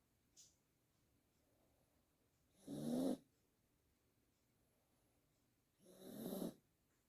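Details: Pomeranian dog asleep: two loud, rough snoring breaths a few seconds apart in a quiet room; loud snoring.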